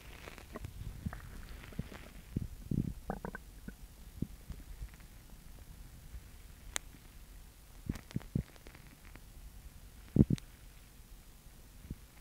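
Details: Girl with an upset stomach: scattered low gurgles and squelches over quiet background; stomach growling (borborygmi).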